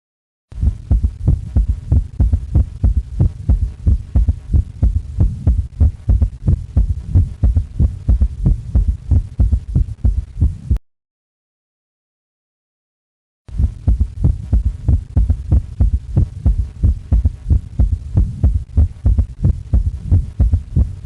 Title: 3rd Heart sound